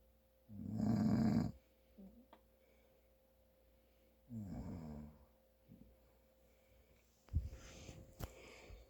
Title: My Dad snoring from congestion